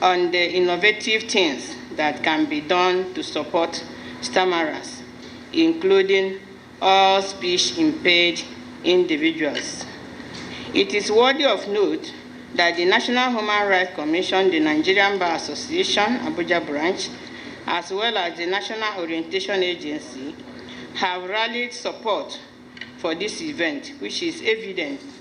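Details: Adult woman speaking; fluent speech.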